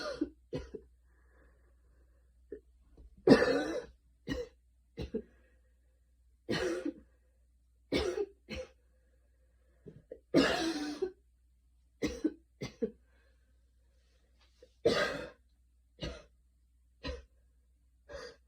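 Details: Short, light coughs and throat clearing, one or two at a time with pauses, after a very fast 10-minute run in light rain; a mild post-exercise cough.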